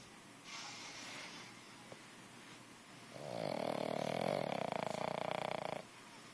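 A soft breath, then a longer buzzing, fluttering snore from a sleeping puppy, with faint room noise.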